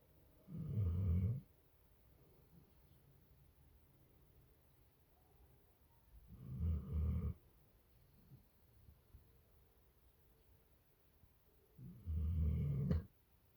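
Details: Pit bull asleep in bed in the morning: three deep, rumbling snores about five seconds apart, roughly ten a minute, with quiet breathing between; snoring.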